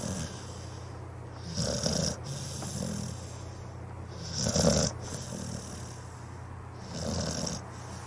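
Rhythmic rattling snores on each breath, about 22 a minute, with a faint whistle between; typical sleeping-dog snoring.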